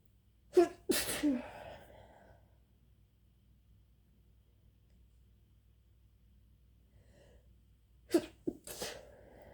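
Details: Induced sneezing: two sneezes, each a sharp inhaled catch followed by an explosive burst, several seconds apart.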